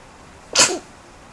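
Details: Infant girl aged 2 months and 5 days sneezing: a single short, sharp sneeze burst against quiet background noise.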